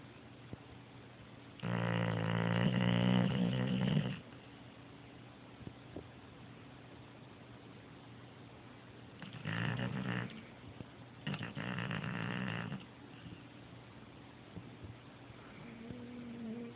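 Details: Snoring during sleep: loud rattling snores in long bursts separated by quiet pauses, typical of a sleeping dog, with some room hum in the background.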